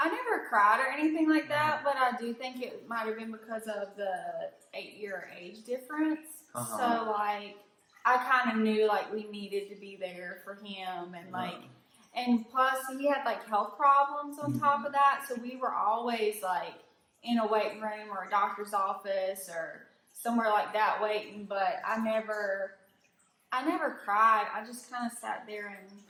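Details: Adult woman; typical speech.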